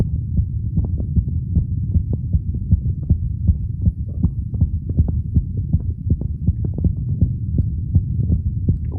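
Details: An adult male records his own heart with a phone microphone at the auscultation sites: steady paired thumps at about 80 per minute over a low hum; normal heart sounds.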